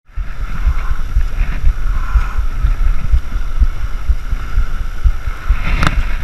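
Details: Fast, steady low thumps of about 120 a minute under wind and water noise: the wearer's heartbeat, recorded unexpectedly through a homemade GoPro chest mount while line walking.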